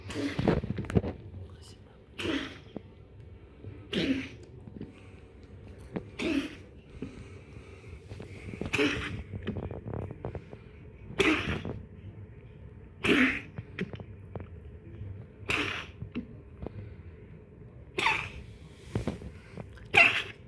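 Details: Dog coughing: about ten short, harsh bursts roughly every two seconds, with quiet room noise between them.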